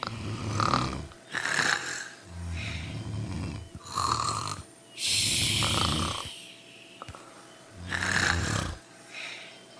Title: Sleeping & Snoring Together